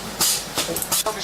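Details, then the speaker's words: Repeated hissing, pumping bursts of a mechanical chest compression device still running 15 minutes after emergency department arrival, during ECMO start and before an intra-aortic balloon pump is functional; faint room noise. "so now you 15 minutes after arrival in the emergency department the person has mechanical circulation you can hear that the the the the um chest compression device is still going so even though the EO is starting to run they keeping that going"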